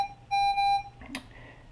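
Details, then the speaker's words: Repeated steady electronic alarm tones from a home pulse oximeter tested on an adult, triggered because his heart rate was below the set low heart rate alarm limit, then silenced; low heart rate alarm. "that's an example of an alarm because my heart rate event initially was lower than the heart rate low alarm was set on this machine"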